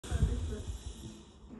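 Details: Dog snorting: a short, low, wet snorting breath fading into a quieter nasal hiss.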